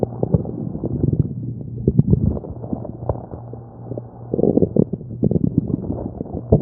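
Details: Stomach growling recorded while hungry: borborygmi and other tummy noises from a person's belly.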